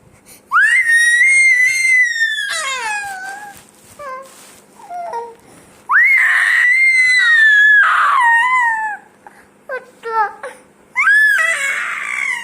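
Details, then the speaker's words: Loud, high-pitched crying and screaming in long wails with pauses between bursts from a distressed infant; infant crying. "তা তুমি কেন কান্না করতেছো? কি হয়েছে তো বলো, কি হয়েছে?"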